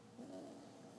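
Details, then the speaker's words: Nine-week-old English bulldog puppy asleep, at times with eyes open: a brief, low, raspy snoring sound against quiet room noise. Snoring. "Oh, she's up. Right back to snoring. She's sleeping with her eyes open."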